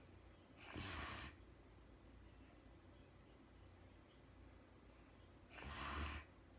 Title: real time sleeping woman snoring no talking REM Anxiety relief return of beauty.